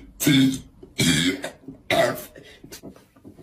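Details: Female wrestler's loud burps: three loud, voiced belches in quick succession, each lasting under half a second.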